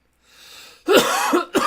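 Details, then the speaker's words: Adult cough after taking a hot dab: a soft breathy inhale, then about three harsh rough coughs in quick succession, the first loudest. "I am taking a hot dab. Hot. So you guys can hear me cough. Because that's always what happens."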